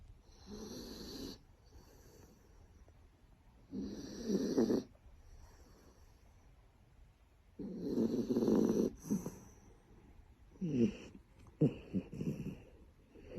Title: Snoring Shiba😁